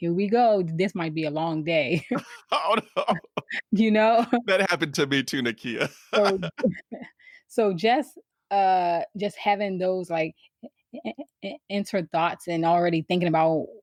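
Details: Adult woman who has stuttered since she began speaking, around age four or five; stuttering.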